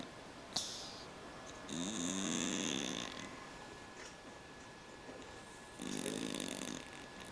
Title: Cat snoring sound effect